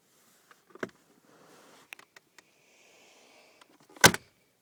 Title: Boy farts,sneezes at same time